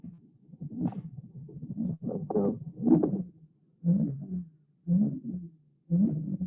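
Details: Objective pulsatile tinnitus (venous whoosh) in a patient with transverse sinus stenosis: rhythmic pulse-timed whooshing at about 58 a minute, abolished by jugular compression and returning when pressure is released.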